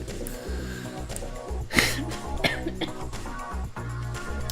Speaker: That is the sound of me coughing.